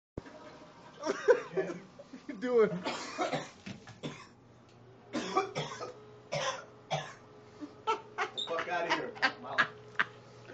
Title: gym 19 coughin up a lung